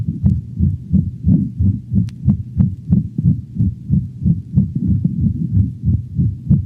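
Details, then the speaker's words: Dog with aortic stenosis: rapid heartbeat with a harsh crescendo-decrescendo systolic murmur over the aortic valve region, radiating to the cervical vessels and cranial right thorax; often confused with pulmonic stenosis. "the crescendo decrescendo murmur of aortic stenosis is often confused with the murmur of pulmonic stenosis this murmur is heard over the aortic valve region and radiates to the cervical vessels and the cranial right thorax"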